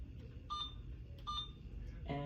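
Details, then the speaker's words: IV infusion pump keypad beeps while a nursing student sets up a secondary channel for pantoprazole 80 mg at 100 ml/h over 1 hour; two short electronic beeps followed by a third tone. "Uh I'm going to do channel select. I'm going to go secondary. I'm going to search up for pentoreso."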